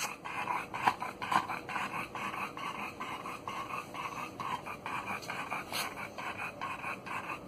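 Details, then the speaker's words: Loud, rapid, noisy breathing with snorting and rattling on each breath in a dog at rest: severe brachycephalic obstructive airway syndrome (BOAS), grade 3, clearly heard even at rest. "but that's uh grade three even at rest you can hear it very loud clear loud and clear"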